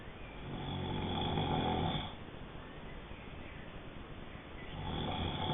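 Low, rumbling, rattling snore rising with each breath in and fading between, about two breaths heard. Snoring.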